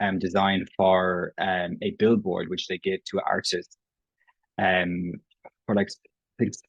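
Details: Irish adult man who has stammered since he can remember, self-identifying prolongations, repetitions and blocks; real, not acted: stuttering.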